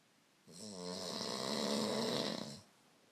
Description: Omg. How do I sleep with this going on?